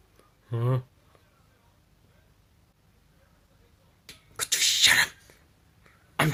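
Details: Sneeze: a brief voiced sound, then a sharp, explosive sneeze with a hissing burst of air.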